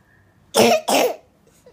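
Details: Two loud harsh cough bursts in quick succession from a child with a runny nose, in a quiet room, while being taken to the doctor; cough.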